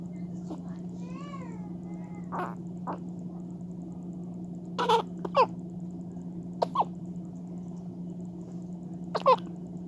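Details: Baby gives brief, abrupt hiccups every second or two, some with a small squeak, over a steady background hum; infant hiccups.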